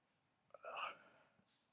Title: Funny Sneeze Called Freak